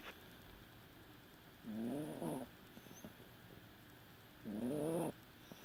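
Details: Snoring in a Yorkie after anesthesia and a breathing tube.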